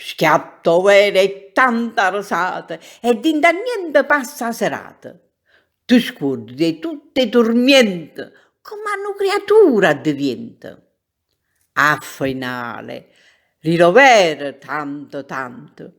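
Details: Adult woman reciting poetry in Neapolitan; normal speech.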